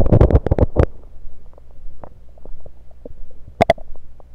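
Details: Stethoscope moved around the belly: low gurgling rumbles and scattered soft clicks; ordinary bowel sounds.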